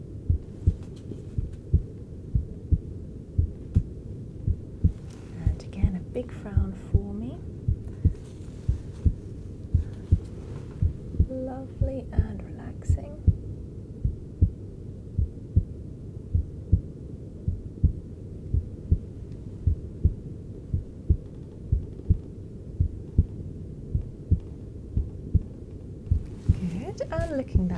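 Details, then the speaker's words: Adult male patient's heart heard via handheld device during cosmetic forehead and frown-line injections, beating stronger and faster from fight-or-flight stress (adrenaline, cortisol); sinus tachycardia, stress response. "body is getting ready to fight or flight which he may well do but essentially that's the release of adrenaline cortisol your stress levels are going up and it allows for the heart to contract harder contract faster enabling you to run away or to deal with the situation and fight back"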